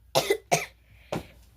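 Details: Child who says they have the flu (gripa) coughing: three short, sharp, dry cough bursts in a quiet room.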